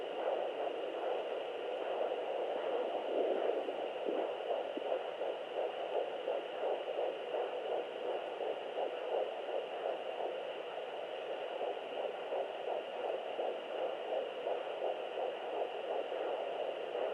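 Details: Fetal heartbeat at 11 weeks of pregnancy on Doppler: fast, rhythmic whooshing pulses over steady Doppler hiss, at roughly 165 per minute.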